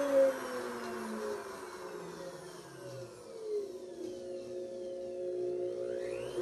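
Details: Simulated full bony extraction of tooth #17 on a typodont molar horizontally embedded in gypsum, with crown sectioning and troughing, using a 266AMC surgical handpiece; a continuous high motor whine whose pitch shifts as the bur loads; surgical handpiece drilling.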